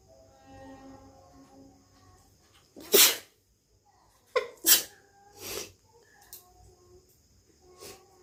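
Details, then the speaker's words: Several sharp, explosive sneezes in quick succession over faint music, from a person trying to induce sneezing for a sneezing challenge; only three sneezes came, with difficulty. "একটা হলো। হচ্ছে না তো। হচ্ছে না। বহু কষ্টে তিনটে হলো মোট।"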